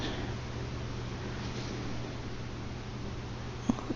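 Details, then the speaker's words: Infant (baby boy) hiccups: steady low room hum, then a sudden short sharp hiccup followed by a fainter second one. "so just look right here he's having hiccups oh oh there it is not too long"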